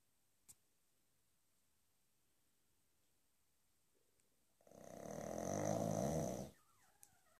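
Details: Sleeping one-year-old female Pug, small for the breed: after quiet seconds, one loud, rattling, fluttery snore lasting about two seconds.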